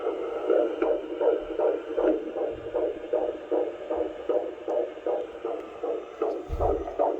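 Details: Fetal heartbeat on Doppler at a midwife appointment, mother rhesus-negative: fast, regular whooshing pulses, strong, about 156 beats per minute; normal fetal heartbeat.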